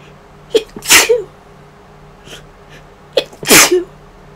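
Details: Person home sick with an unidentified cold- or flu-like illness, feeling worse today after no fever yesterday: two sneezes, each a quick breath in then a sharp explosive burst.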